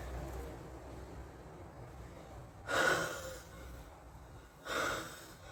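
Quiet breathing broken by two sharp nasal snorts about two seconds apart.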